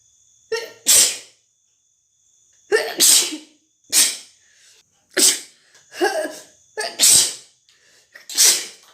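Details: Six rapid, wet, spraying sneezes in close succession, each a short sharp hiss-like burst; repeated sneezing.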